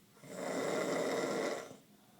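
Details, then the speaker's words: Snoring from a sleeping young woman on her 21st birthday, around noon: one long, loud, rattling snore on an in-breath, about a second and a half, in a quiet room. "Michael, he sleeps quietly. I don't know how he sleeps through this. She's a bear. Sounds like a bear."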